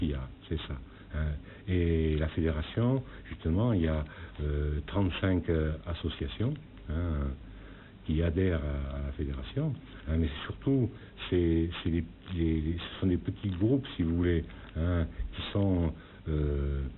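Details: Adult man with severe aphasia after a cerebral haemorrhage (stroke) nine years earlier. At first he could say only yes or no. He resumed speaking after two years of speech therapy, still with naming and reading difficulty: aphasia.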